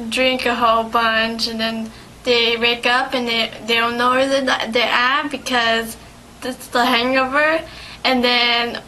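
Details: Patient with aphasia recorded during a speech therapy session; aphasia.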